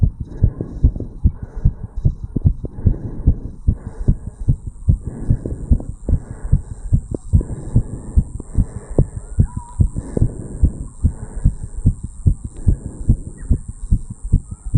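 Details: 35-year-old male's own heartbeat recorded over the tricuspid valve area after jogging uphill: fast, regular heartbeat with crisp paired thumps, roughly 145 per minute if each thump is counted; quickened rate after exertion.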